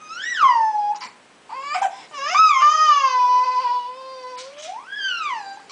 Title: hiccups and whiney